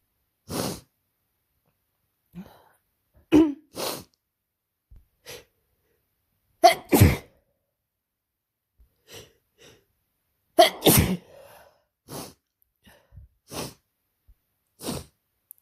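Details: Person with a cold and sore throat that began the night before, after a stressful week working at summer camp: repeated forceful sneezes, some in quick pairs, with quiet gaps; sneezing.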